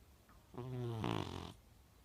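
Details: One drawn-out buzzing snore lasting about a second, rising to a rougher rattle at its end, in a quiet room; a young blue British Shorthair cat snoring.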